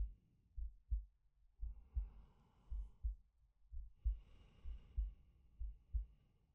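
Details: Quiet paired heartbeat thumps, about 60 a minute, with slow soft breaths over them, from a male ASMR sleep-aid recording; an ordinary resting heartbeat and breathing.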